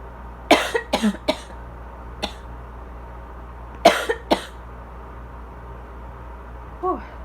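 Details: Adult with asthma and southern-spring allergies: about eight short, fairly dry coughs in bursts, felt to be drier than the day before. Faint wheezing may not be audible; a loud air conditioner runs in the background.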